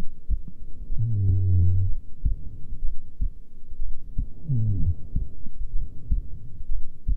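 Soft, low, repeated heart thumps at rest under a low humming tone, consistent with a normal resting heartbeat.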